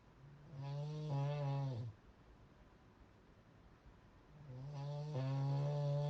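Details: Loud snoring: two long, loud, low snores with a throaty, droning tone and a pause between them.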